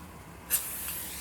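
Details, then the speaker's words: A sudden burst of spray, then a steady hiss, as a dental air-water syringe gives the final full-mouth rinse after an MO amalgam filling on tooth #15. "Now that that is done, I will do a final wrist. Okay, final >> to do a full mouth rinse."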